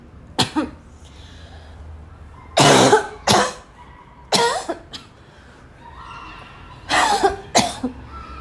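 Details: Afternoon coughing fit in a girl, starting weak and gradually becoming violent: repeated harsh coughs in about six clusters with throat clearing between, growing more forceful.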